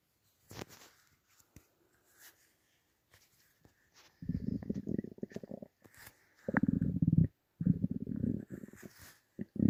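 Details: Low gurgling, churning bursts in irregular runs with quiet gaps: ordinary stomach rumbling (borborygmi) from gas and fluid moving through the gut.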